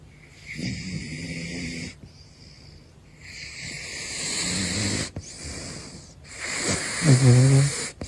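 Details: Sleeping caracal snoring: irregular snorting, rattling snores with a louder snore near the end; ordinary snoring.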